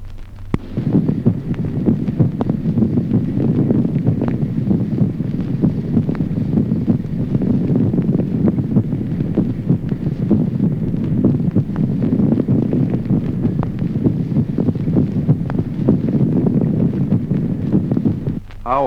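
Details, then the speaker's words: Secondary muffling of both heart sounds in pulmonary emphysema, with added inspiratory bronchiectatic murmurs: faint, distant heart sounds buried under continuous rushing breath noise. "Ejemplo 23º. Apagamiento secundario de ambos ruidos cardíacos en el enfema pulmonar como signo agregado soplos inspiratorios bronquiectásicos."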